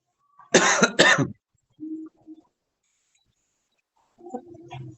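Two loud harsh coughs in quick succession from a child, then quiet vocal sounds; a plain acute cough.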